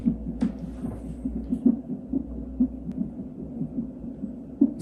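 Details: Fast, regular whooshing pulses at about 140 a minute over a low hum: normal fetal heart sounds recorded on an electronic fetal monitor during a non-stress test, alongside uterine contraction monitoring.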